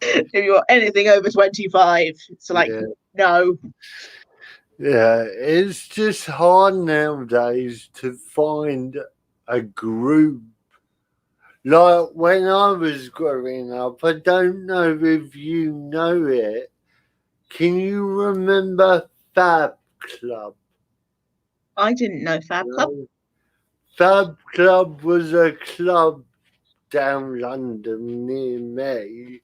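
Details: Adult man with spastic cerebral palsy caused by lack of oxygen at birth, affecting limb control and speech; dysarthria (spastic cerebral palsy).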